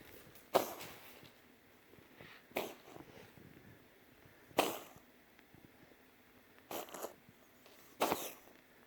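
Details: Five short, sharp, explosive sneezes at irregular intervals over about nine seconds.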